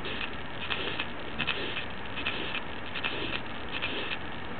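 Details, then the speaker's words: Simulator demonstration: severe aortic stenosis, grade four or above with a systolic thrill toward the right neck. A harsh, rasping systolic murmur is heard with the stethoscope over the neck, radiating from the aortic area. "severe aortic stenosis can be built in the neck as well"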